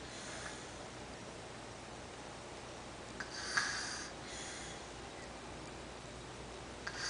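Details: Male sleeper breathing loudly, said not to be his loudest: loud, hissing breaths with a snorting catch in one over steady room noise; snoring.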